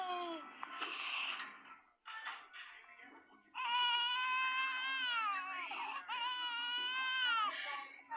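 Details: Baby crying with hiccups: long, steady wails after a few fussy sounds, in a quiet room; infant cry.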